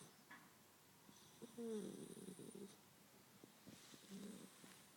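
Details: Snoring in a sleeping Labrador puppy: soft, fluttering snores with light snuffling, two breaths in five seconds.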